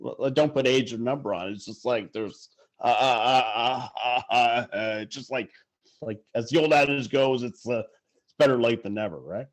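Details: Adult man who stutters; stuttering.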